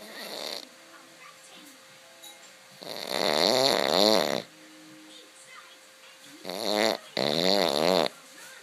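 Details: Snoring: loud, rough, rattling breathing bursts with quiet gaps between them.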